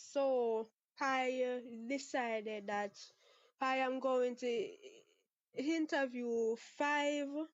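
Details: 23-year-old Jamaican woman who has stuttered since about age six, with father and sister who also stutter, never had speech therapy; part-word and whole-word repetitions audible; stuttering.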